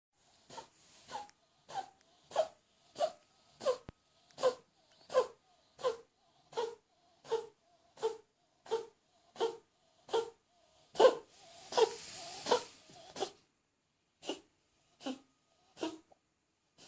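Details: Dog coughing: a long run of about twenty short, evenly spaced, slightly honking coughs.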